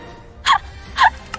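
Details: Small stifled sneeze: two quick, soft, voiced bursts half a second apart over faint background music.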